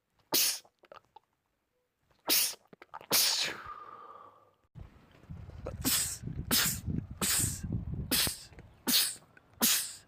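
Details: Male sneezing compilation clip: a few single sneezes, then a rapid run of about six sneezes in quick succession, a sneezing fit.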